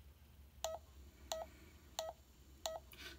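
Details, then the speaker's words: Check Me Pro pulse oximeter with the sensor on an index finger: steady electronic beeps about 90 a minute, one per heartbeat; reading heart rate 91, oxygen 99%. "let's go there you go it's telling me you have 91 heart rate and 99 oxygen level"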